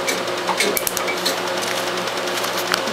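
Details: Rapid sharp snapping clicks over a steady machine hum: 1064nm Q-switched laser pulses targeting black ink during the first removal session of an old multicolored tattoo, with ice used for pain relief.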